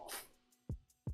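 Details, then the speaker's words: The speaker's own stomach rumbling (borborygmi): a brief hiss, then two short, deep gurgling thumps. "that was my stomach did you hear that I see you agree with me stomach maybe my stomach wants an 1895 bottle of Jack"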